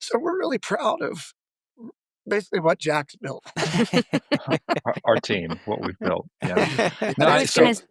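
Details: Adult male former lead vocalist who began losing his voice at the height of his career; self-reported spasmodic dysphonia, which he says is audible in his voice.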